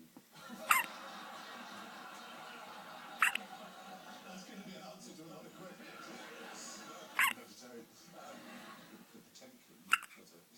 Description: My baby daughter with cute hiccups